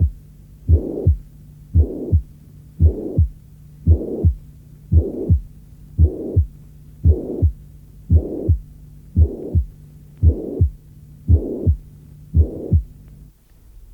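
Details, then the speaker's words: Regular heartbeat near 57 per minute with a soft, high-pitched, blowing steam-jet systolic murmur of mitral regurgitation, maximal at the apex and radiating to the axilla; audio from a 1981 cardiac auscultation teaching course. "Lorsque ce souffle est peu intense, il présente une tonalité aiguë et un timbre soufflant, en jet de vapeur."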